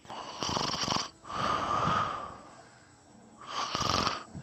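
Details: Person snoring: loud rattling snores on breathing in, with a quieter whistling breath between them, during sleep.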